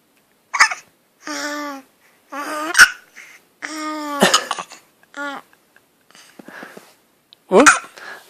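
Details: Infant girl hiccuping while cooing as if trying to talk; short voiced baby sounds broken by several sudden, sharp hiccup catches.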